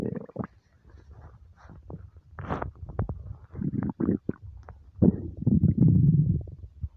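Low gurgling and rumbling in irregular bursts: hunger-related stomach rumbling, a normal bowel sound.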